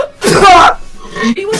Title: sneezing for 30 seconds straight